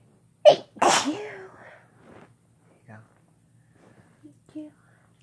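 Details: Man and woman kissing during a sneezing fit: two sharp sneezes in quick succession, followed by soft murmured "bless you" and "thank you"; sneezing.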